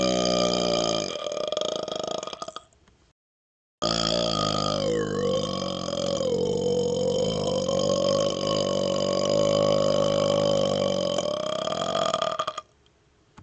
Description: The normal Jingle Bells song burped, hope you enjoy it and have a happy holiday!